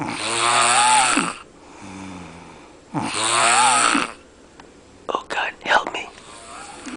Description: My buddy the loudest snorer on the planet.